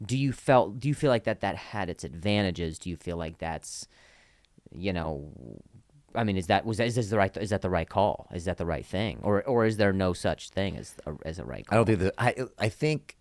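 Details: Adult male comedian who stutters and links his stutter to an injury; real speech with repetitions of words and phrases; stuttering.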